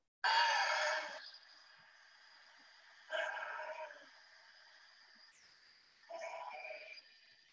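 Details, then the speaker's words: Cough from a zoo big cat with SARS-CoV-2 infection, described as not a typical sound for a big cat; the affected animals were treated with amoxicillin. "hopefully you'll be able to hear this is just this is the the coughing sound we're hearing"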